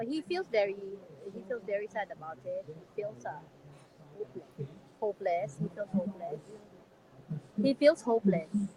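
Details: Adult man with severe cerebral palsy; dysarthria.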